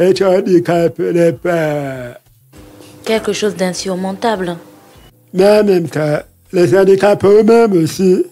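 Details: Man with hearing loss from a childhood illness, lip-reads; he says his voice is not normal because of that illness; real French speech; deaf speech.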